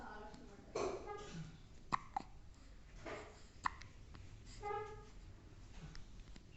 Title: Why my baby is getting hiccups? #viral #hiccups